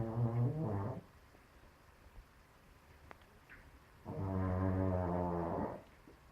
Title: My cat snoring like a bear :)